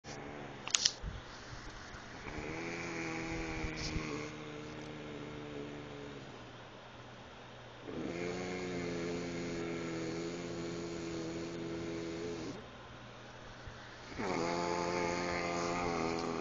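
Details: Adult sleeping after driving about 5000 miles in 5 days: long, steady, buzzing, weird-sounding snores with each breath over a constant fan-like room hum.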